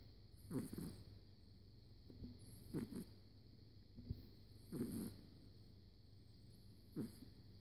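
Soft snorting snores about every two seconds, roughly 28 per minute, over quiet room noise.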